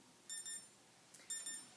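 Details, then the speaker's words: Pulse oximeter alarm during an SpO2 monitor demonstration, with the probe on the patient's finger reading SpO2 95% and heart rate 50 while the patient takes deep breaths: two pairs of high-pitched electronic beeps in a quiet room. "this one has an alarm and I'm just going to just show the camera it's showing me right now 95 and a heart rate of 50"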